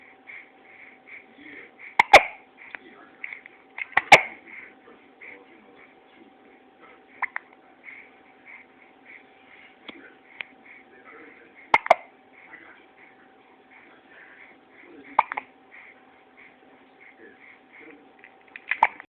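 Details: Person with hiccups: sharp, abrupt catches recur about every few seconds over a steady hum and soft chatter.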